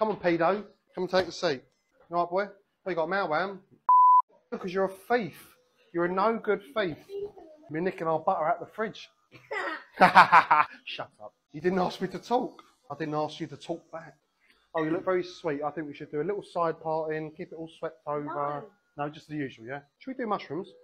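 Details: 28-year-old male barber with Tourette syndrome, filmed on a day of particularly bad tics, involuntarily swearing and blurting words; Tourette syndrome vocal tics.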